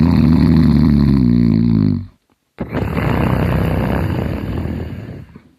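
Loud, low, rattling snores, one long vibrating breath followed after a brief pause by another rough noisy one, typical heavy snoring.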